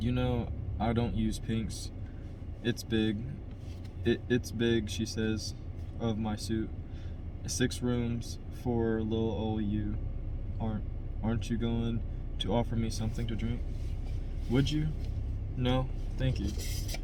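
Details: Adult who stutters, by his own account a little, reading a novel chapter aloud as practice to help his stutter; part-word and word repetitions and revisions; stuttering.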